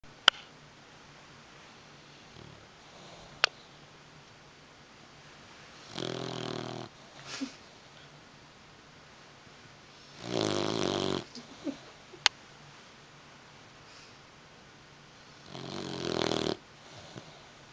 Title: snoring.AVI